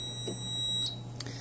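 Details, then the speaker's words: Allied Healthcare AHP300 transport ventilator switched on for initial programming: a high, steady electronic tone that stops, then faint clicks as it runs its power-on self-check before ventilating. "first thing you'll notice it'll go through a self-check and then it'll start ventilating in whatever settings the ventilator was turned off in when it was shipped from the factory"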